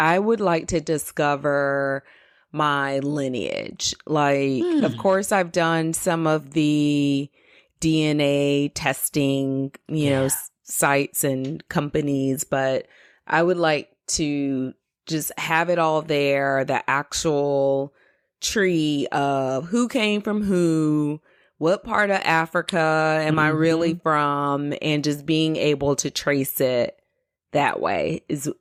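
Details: Adult woman speaking; typical speech.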